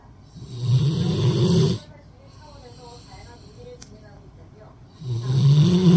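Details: Sleeping Rottweiler dog resting its head on a person's arm like a pillow: loud, deep, rattling snores on inhaling with quiet pauses between breaths; ordinary snoring.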